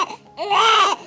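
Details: Newborn girl, second baby, induced at 39 weeks 3 days because of maternal blood pressure: brief, high, strained wail just after birth, with a soft adult voice before it; a normal first-hours cry.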